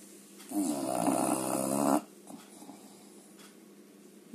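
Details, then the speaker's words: Bulldog (borrowed from the recorder's sister) snoring: one drawn-out, rattling snore on the in-breath, then quiet breathing in a small room. "Буля буль буль Ты храпишь Ты храпишь да"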